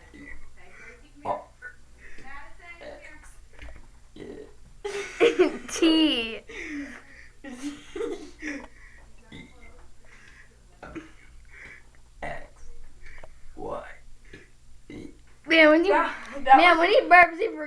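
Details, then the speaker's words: Boy deliberately burping the ABCs for fun: quiet talk and giggles, then long belched vocal sounds shaped into letters. "hi I'm and I'm going to burp the ABCs funny in"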